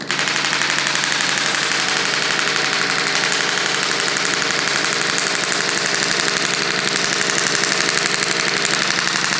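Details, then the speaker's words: Radial shockwave therapy unit demonstrated with ultrasound gel as transmission medium: loud, rapid, steady clattering pulses about three per second as the pin strikes the applicator head; typical treatments last three to four minutes. "so obviously it can be quite loud those those hits you here's that can firing against there"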